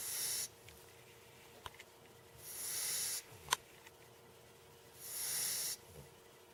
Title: puppy snoring